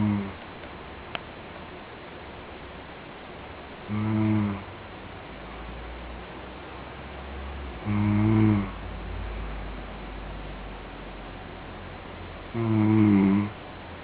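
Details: Male friend snoring asleep, unaware of being recorded: three deep, rattling snores at long, slightly uneven gaps, about 13 a minute, over room hum.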